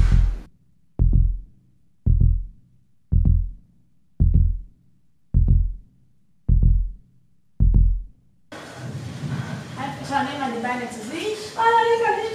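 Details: Slow, steady low thumps, then a newborn boy's first cry breaks in with rising, strained wails, in the delivery room right after birth.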